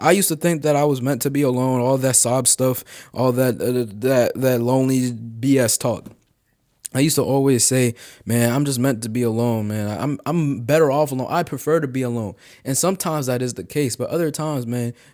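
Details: 18-year-old male college sophomore who stuttered heavily as a child and still stutters, speaking in an unedited single take, with part-word and whole-word repetitions; stuttering.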